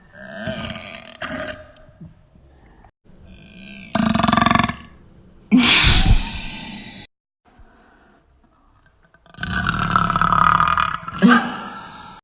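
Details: Repeated burping: a series of deep, prolonged belches, some lasting over a second, with quiet gaps between them.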